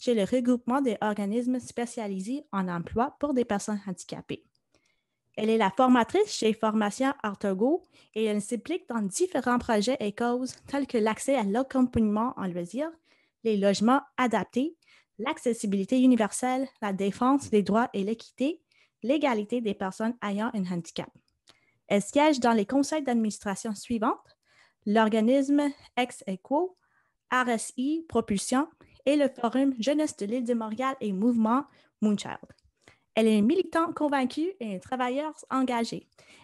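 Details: Adult woman speaking French; typical speech.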